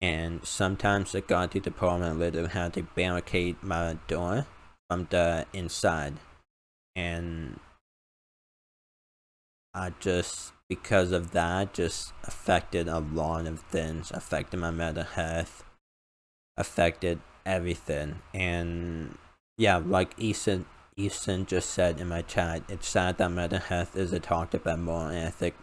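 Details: Male with a self-described uncontrollable speech impediment, improved after about 10 years of speech therapy; formerly used an iPad talking device, not used for almost three years; finding: speech impediment.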